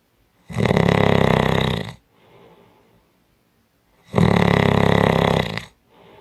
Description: 5 Minute Audio clip of Strong Snoring